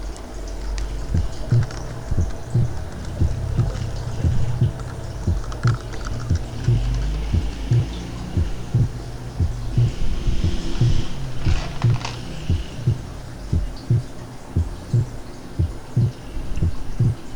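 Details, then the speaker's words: Physiological splitting of the second heart sound on inspiration; regular heart sounds at about 58 beats a minute, the pulmonary component forming the second part of the split. "muy bien ese es el desdoblamiento del segundo ruido cardiaco el desdoblamiento fisiológico durante la inspiración"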